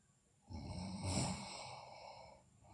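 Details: Sleeping girl snoring: a single long, rough, low rattling breath lasting about two seconds, with faint room noise; the same recording also concerns bruxism and delirium.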